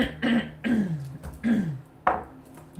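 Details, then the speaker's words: An adult woman repeatedly clears her throat in several short, rough, voiced bursts, trying to shift a "frog in my throat"; she mentions an illness affecting her vocal cords, possibly laryngitis, and COVID. "whatever's in my throat would come out all right this just like I feel like I got a little frog in my throat and I can't get it out and I'm trying to get it out without torturing you guys too much with loud coughing sounds"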